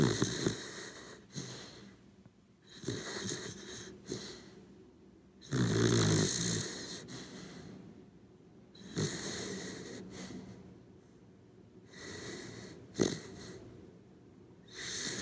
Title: SLEEP WITH ME - 1 HOUR CORGI DOG SNORING ASMR VIDEO